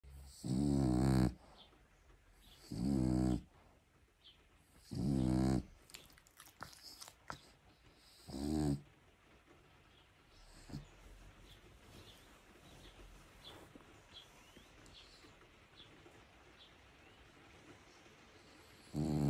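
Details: Sleeping Staffordshire bull terrier (Staffy) snoring comfortably: four loud, rough, rumbling snores spaced a few seconds apart, then quiet breathing.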